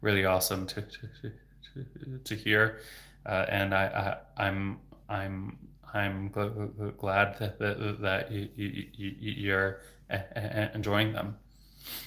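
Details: Adult man who stutters, onset in third grade (about age 8–9) with speech therapy soon after, now a speech-language pathologist; repetitions of sounds, words and phrases with fillers; stuttering.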